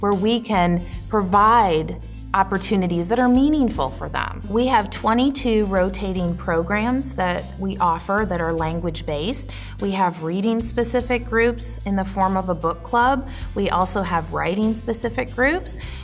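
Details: Adult woman speaking; normal speech.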